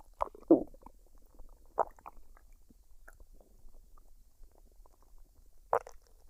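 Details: Female recording her own stomach while digesting a dinner of fried rice and duck, unedited with no added sounds: scattered short gurgles and pops with quiet gaps, normal bowel sounds (borborygmi).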